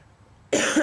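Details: A single abrupt, harsh cough after brief quiet, from a person who says they are very sick with a cracking voice; acute cough.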